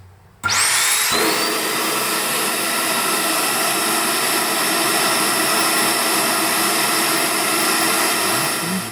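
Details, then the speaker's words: A dental vacuum former, normally used for dentures, switches on with a rising whine and runs as a steady loud roar, molding heated plastic over metal objects; amateur hobby use. "So, vacuum forming. Yeah, this is a vacuum former. This is a dental vacuum former. It's usually used to make dentures."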